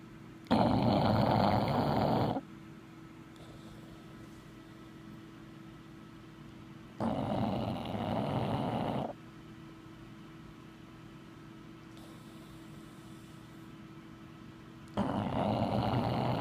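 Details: A bulldog, asleep after a big day, snoring: three loud, rasping snores several seconds apart, about 8 a minute, with quiet breathing between.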